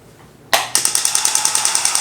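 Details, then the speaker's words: Loud, sharp mechanical taps about ten per second from a pneumatic radial shockwave therapy device starting at low intensity with ultrasound gel on the forearm of a climber and woodworker with forearm and hand pain. "So it's going to be loud because there's actually a lot of, kind of noise being made by the machine to make that pneumatic piston move."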